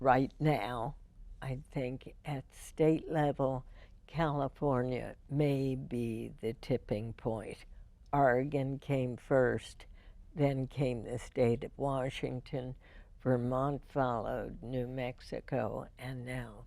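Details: Spasmodic dysphonia in an adult woman, diagnosed 1998, treated every four months with botulinum toxin injections into the vocal cords; spasmodic dysphonia.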